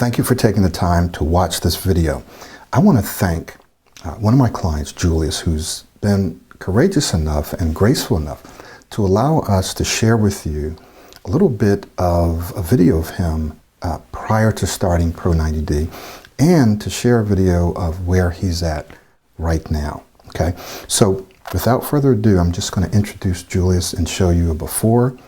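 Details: Adult male speaker; normal fluent speech.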